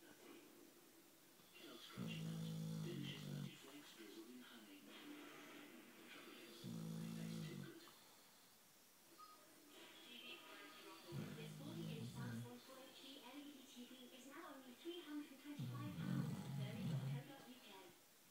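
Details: 9-year-old boxer dog snoring while asleep, possibly dreaming: four low, rough snorting breaths against soft background sound, with a few faint sleep noises between them.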